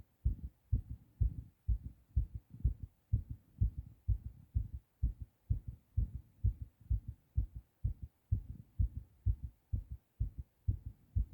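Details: A male adult, recently sick, has a fast heartbeat (tachycardia) after a hard cough: rapid, regular, strong low thumps.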